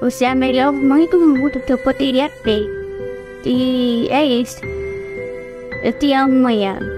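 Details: Deaf speech in a woman born with hearing impairment (prelingual), an oralized deaf speaker who learned to speak through therapy and speech therapy.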